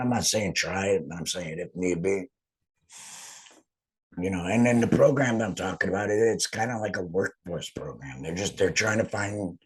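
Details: Man after total laryngectomy; finding: alaryngeal speech after total laryngectomy.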